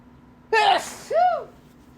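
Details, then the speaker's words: Gamer sneezing during a live gaming stream in a wet sneezing attack: a single sharp, voiced sneeze followed by a short, falling vocal tail. "if I sneeze one more time someone gets five Subs"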